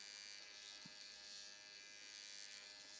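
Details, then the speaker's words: Even, high buzzing hum of the battery-powered AOS Nano Pen nanoneedling along the jawline on wet skin with no pressure, switching from up-and-down to side-to-side strokes, with a faint tap partway through. "You do not want to use any pressure when you're using your Nano Pen. Once I've done the session up and down, now I'm going to go side to side."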